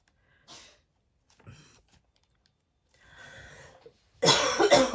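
Soft, breathy bursts are followed by a loud, harsh cough burst at the end in a quiet small room; a cough.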